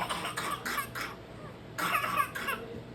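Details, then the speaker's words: Child with whooping cough (pertussis, Bordetella pertussis): paroxysmal cough, two quick runs of short bursts, many coughs in one breath. "اس میں بچہ ایک سانس میں کئی دفعہ کھانسی کرنے کی کوشش کرتا ہے،"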